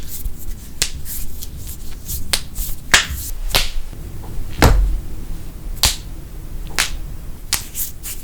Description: Epic Bone Cracking with LOUD Popping Knuckles, Necks, Backs, Toes & More!